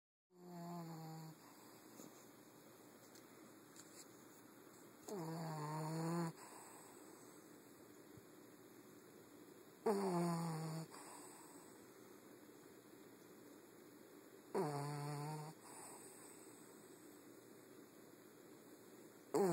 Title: Zoey the bulldog snoring